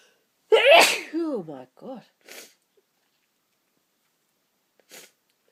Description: My nose was tickling, so I thought I would use the opportunity to get some sneezes out for you.